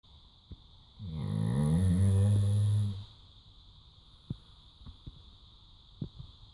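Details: Labrador named Mali snoring during a loud afternoon nap: one long, deep, rumbling snore lasting about two seconds, then quiet breathing with a steady room hum.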